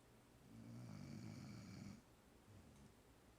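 A single long, rough, rumbling snore on a breath in, fading into quiet breathing; ordinary snoring in a sleeping dog.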